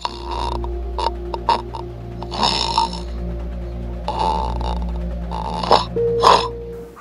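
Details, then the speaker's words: Loud, rough snoring bursts separated by pauses, over background music; heavy snoring, presented as showing how troubled the breathing is, in a context of snoring and sleep apnea. "그래서 숨쉬는 소개 소리가 그렇게 샤 난 소리가 난다는 것은 그 호흡이 얼마나 문제가 있다는 것을 여실히 보여주는 거거든요"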